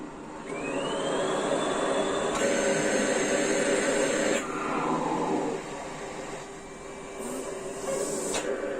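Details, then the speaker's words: Mechanical insufflation-exsufflation (cough assist) in a special-needs child with recently dipping oxygen, used to help her take deeper breaths: long alternating phases of machine airflow that blow air into her lungs and then suck it back out. "so i've mentioned before what the cofficist does but basically it simulates a cough in her it forces air into her lungs fills her lungs and then sucks air back out and"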